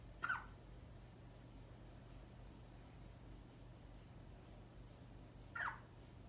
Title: 6 weeks baby hiccup sound #shorts